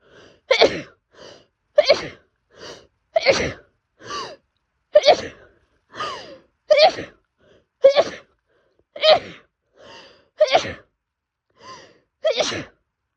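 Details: Rapid run of about 16 sharp sneezes with quick gasping in-breaths, in a person with longstanding cat allergy who woke at 5am in a house with 4 cats despite double allergy medication, with hives; allergic sneezing.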